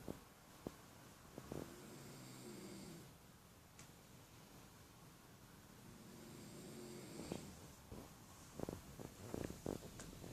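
Two long, soft, rattling snores about five seconds apart, mixed with scattered clicks and snorts, over room noise.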